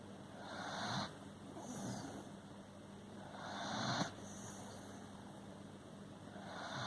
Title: Milo the beagle snoring away...